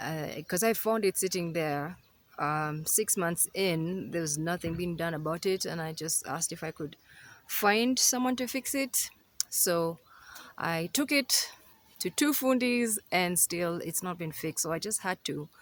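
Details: Adult woman speaking; typical speech.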